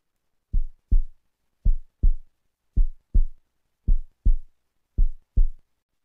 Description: Parasternal Short Axis View Color Doppler showing severe Pulmonary Valve Stenosis on Echocardiography. CW Doppler is also suggestive of Severe Stenosis as peak Velocity is more than 4 m/s and peak gradiant more than 60 mmHg.